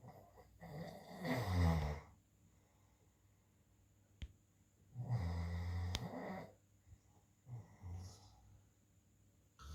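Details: Adult man asleep gives loud, rattling snores on slow breaths, about three in ten seconds, with quiet pauses between.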